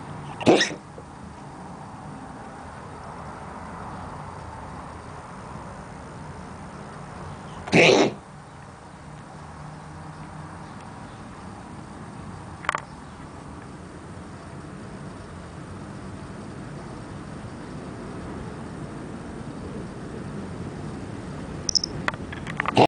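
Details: A cat gives two short, harsh coughing bursts, likened to an old man's cough, with a faint click between them, in a quiet room.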